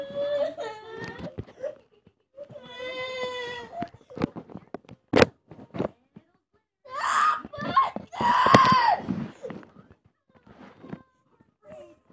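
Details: Young girl with an ear infection crying from ear pain: loud, distressed wailing bursts with sobbing breaths.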